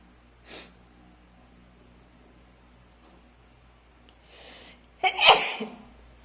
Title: Loud,Wide Nose Allergy Sneezes Philippines.